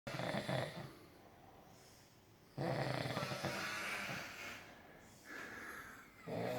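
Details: Snoring filmed during a snoring competition: irregular loud snoring with harsh, vibrating inhaled breaths separated by quieter pauses.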